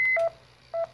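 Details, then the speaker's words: Training demonstration of a Philips manual defibrillator on a pulseless patient with a shockable rhythm on screen: charged to 150, everyone cleared, then short electronic beep tones as the shock is delivered. "so right now we're going to defibrillate at 150 song enough charge to 150 make sure everybody's clear Brandon's clear i'm clear and then you hit the shock"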